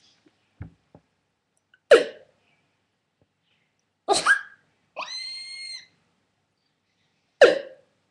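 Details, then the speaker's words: Person with Tourette syndrome: sudden brief vocal bursts including a high-pitched squeal, a vocal tic that happened live for the first time. "um i'm hoping that squealing one doesn't stick because that's the first time it's ever happened live for you guys"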